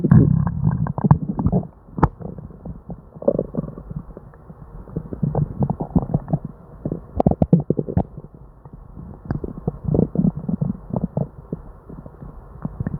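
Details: Person with diarrhea and an upset stomach: near-continuous gurgling and popping rumbles with frequent sharp bubbling bursts, non-stop hyperactive bowel sounds.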